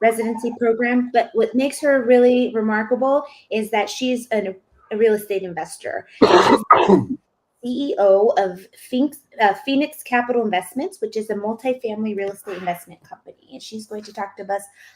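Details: Adult woman speaking; typical voice.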